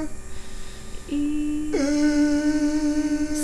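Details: Sustained 'e' phonation during videostroboscopy; stiff scarred vocal fold edges cannot close, with the scarring from wear and tear and multiple microinjuries from voice overuse or misuse; dysphonia from vocal fold scarring.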